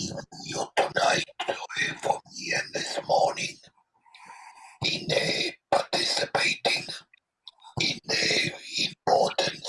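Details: Adult man without vocal cords after total laryngectomy for throat cancer 13 years ago; very weak voice; alaryngeal speech after total laryngectomy.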